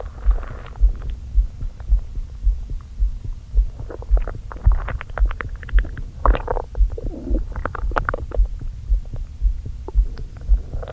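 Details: Stomach rumbling recorded with a microphone on an aching stomach right after eating brunch too quickly following a long fast: bursts of bubbling, squelching gurgles over a steady low thumping, typical of active borborygmi.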